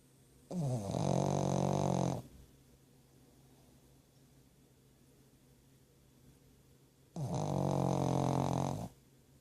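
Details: Pug dog snoring loudly while asleep: two long, rattling, low snores about seven seconds apart, near 9 breaths a minute, with quiet between them; snoring.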